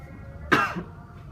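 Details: Demonstrated single short cough covered with a tissue, in a quiet room, for COVID-19 cough and sneeze etiquette; cough.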